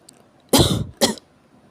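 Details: Severe cough: two harsh, forceful coughs in quick succession in a quiet room.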